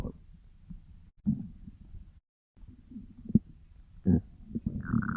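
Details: Hungry stomach growling (borborygmi) in a person who was very hungry: soft intermittent low gurgles with a few louder rumbles.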